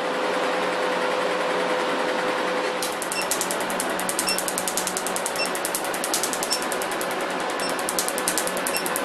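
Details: Laser removal of a professional tattoo: device hum, then rapid sharp snapping clicks about three per second as the laser pulses fire on the skin.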